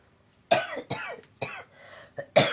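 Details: Man with a cough attributed to supernatural disturbance, during nerve-pressure (totok saraf) therapy: four harsh, forceful cough bursts in quick succession with quieter throaty sounds between; repeated dry-sounding cough.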